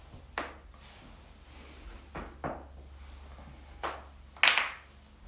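Four sharp, loud cracks and pops against quiet room noise, typical of spinal joint cavitation during an adjustment.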